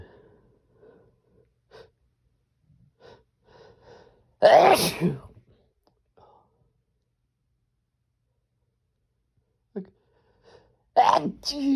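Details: Faint breathy build-ups followed by two forceful explosive sneezes in a quiet room, part of a series of strong, desperate sneezes with a few stifles.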